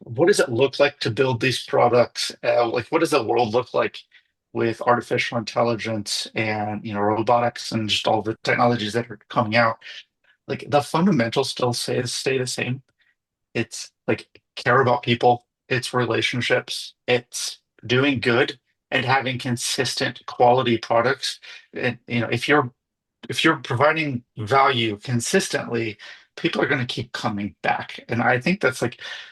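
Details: Adult male speaker; ordinary fluent speech.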